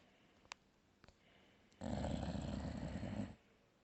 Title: my snoring dog